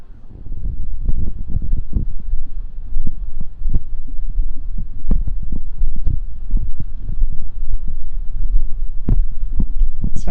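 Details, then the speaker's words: Muffled low thumps of an adult woman's heartbeat heard through a microphone pressed on her chest instead of a stethoscope, buried in steady rumble and static. "Sorry, I gotta put this on my chest. Do you hear it? It's not as nice as a stethoscope. I think it's a little messier."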